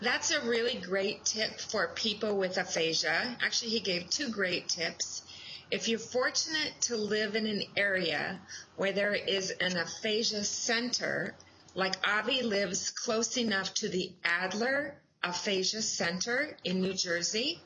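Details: Adult woman speaking; normal speech.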